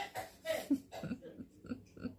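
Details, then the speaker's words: Several faint, muffled coughs from an elderly grandmother in a back room while she eats soup, against quiet room noise. "but you can you can hear Grandma she's coughing in the back room she's choking down her soup"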